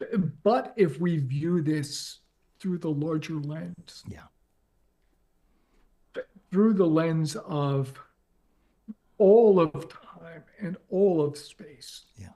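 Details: Adult man with ALS diagnosed four and a half years earlier and now near end stage; paralysis spread from right calf through legs, core, arms and hands to the neck; uses a ventilator to speak; difficulty speaking and breathing; dysarthria in amyotrophic lateral sclerosis.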